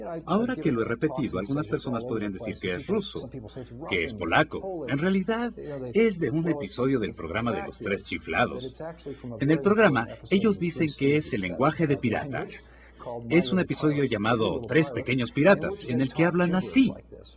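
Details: Adult male speaker; normal speech.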